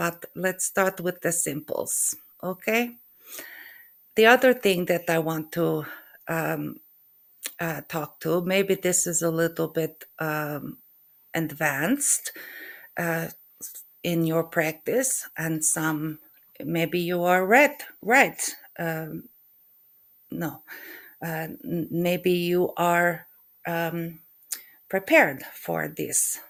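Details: Adult woman with aphasia, located in her brain on MRI, alongside functional neurological disorder (FND); recovering since November 2023; finding: aphasia.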